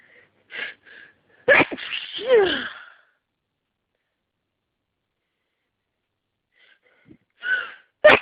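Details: Congested person trying to hold back sneezes, staring at a light to coax one out: a few short catching breaths, then one forceful sneeze; after a pause, more quick breaths lead toward another sneeze.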